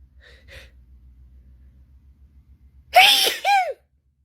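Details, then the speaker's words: Adult sneezing alone at home while looking at phone, trigger unknown: sharp inward gasp then two loud sneezes in quick succession, faint room hum; part of an ongoing repeated sneezing fit. "Oh, God. I don't even know why I'm started sneezing, to be honest. It just happens."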